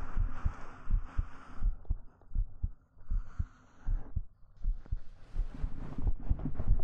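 Soft, deep thumps at about 80 a minute under rustling fabric and hiss: a heartbeat heard up close.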